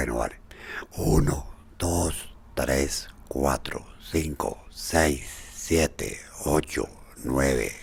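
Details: Patient with unilateral vocal fold paralysis counting 1 to 10 after the second of five voice rehabilitation sessions; hoarseness remains but with more periodicity and less breathiness; dysphonia from unilateral vocal fold paralysis.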